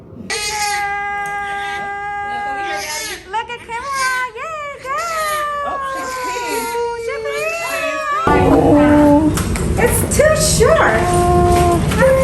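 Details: Newborn baby girl crying just after delivery, following active labor at 9 cm in a first-time mother: rhythmic, high-pitched crying with music and room noise; vigorous normal newborn cry.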